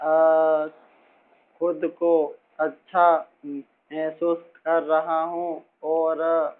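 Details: Man, a teacher, speaking Hindi, who has stammered since about age six and still stammers a little after accepting his stammer; stuttering.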